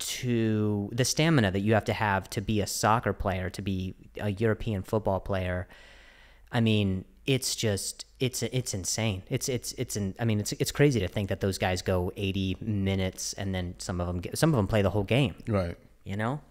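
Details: Adult male podcast host described as fighting through a stutter; repetitions heard, consistent with stuttering.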